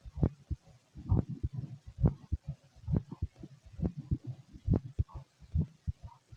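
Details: Fit male heard through a stethoscope: regular low lub-dub beats at about 67 a minute; normal heart sounds.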